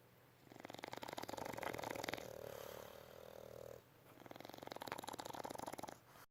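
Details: Loud rattling snores from sleeping bulldogs, a long fluttering inbreath then a quieter rattling outbreath; ordinary snoring of a short-nosed breed.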